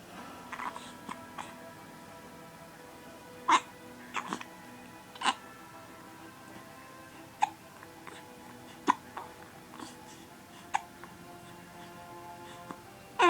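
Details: 6-week-old baby boy with hiccups: short, sharp hiccup sounds, about seven in thirteen seconds, with soft music in the background.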